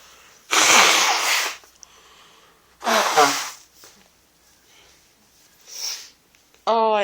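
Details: Adult coming down with a bad cold, sneezing in bed after several attempts: two loud forceful sneezes, then a softer sniff and the start of a voice; repeated sneezing with a cold.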